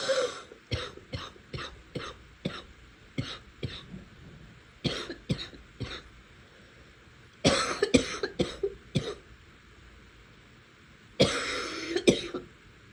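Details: Repeated bursts of short, harsh coughs in runs of three to six, about thirty coughs in all, with longer rough coughing fits. Part of an ongoing coughing episode.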